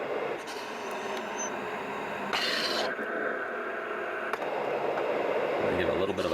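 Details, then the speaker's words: Continuous mechanical whooshing with a sudden rushing burst as airflow reverses: a Philips Respironics Cough Assist T70 mechanical insufflation-exsufflation device cycling in auto mode with Cough Trak, demonstrated on a test lung. "a squish pushes out and then pops out for the patient this will help clear the airway"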